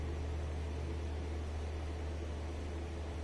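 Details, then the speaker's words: Steady low hum and hiss on lower-limb venous Doppler during a Valsalva manoeuvre (patient bearing down), with no flow surge; absent reflux after Valsalva, competent venous valve. "This is वॉल्सेवा manoeuvre and also this is the competent range, this so absent flow after the वॉल्सेवा manoeuvre."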